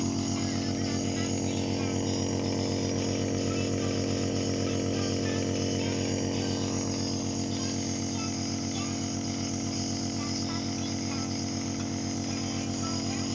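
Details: Steady loud mechanical buzz with fast regular pulsing of a compressor during nebulizer therapy for a toddler with cough and cold; nebulizer compressor running.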